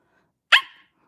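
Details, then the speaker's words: A young woman with Tourette syndrome, speaking during a livestream, makes a single sharp bark-like sound: an involuntary barking vocal tic. She also has blinking tics. "Yes, if you're wondering why I'm blinking and barking, it's because I have Tourette's."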